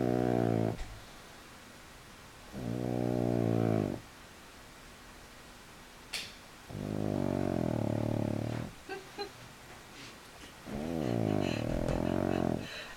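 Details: Pug sleeping on his back with legs up for the first time: loud, rattling snores lasting one to two seconds each, about four in the clip, with quiet breathing between; snoring.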